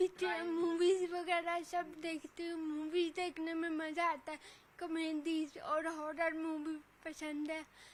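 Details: Dysarthria in a 26-year-old woman with cerebral palsy since birth; she cannot walk or speak properly.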